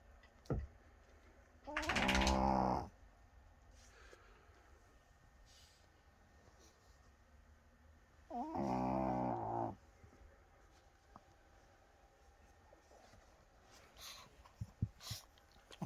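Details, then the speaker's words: Two loud, rattling snores about six seconds apart in a quiet room, faint clicks between, from a napping Chihuahua, snoring loud enough to be heard over the TV; snoring. "you are so loud i'm sorry but you were snoring so loud you were snoring over the tv"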